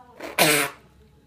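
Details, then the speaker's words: A father sneezes: a brief inhaled build-up, then one sharp, loud burst lasting about a third of a second, a single sneeze; a child asks why he is sneezing. "Why are you sneezing, Dad? That's why I can't stop it. You can stop it. No. You need to stop it."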